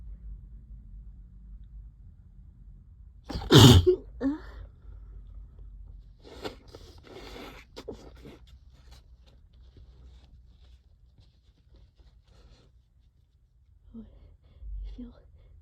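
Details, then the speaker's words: Allergic sneezing set off by cleaning the trap, in a long fit: one loud wet sneeze, then a smaller follow-up, faint sniffs and rustling. "Can't stop sneezing. Oh, that was so loud. This always happens whenever whenever I clean the trap. It makes me so sneezy."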